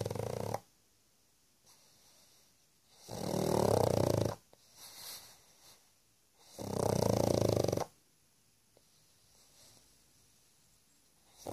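Loud, rattling snores from a small flat-faced dog, roughly every three to four seconds, with quiet pauses between breaths.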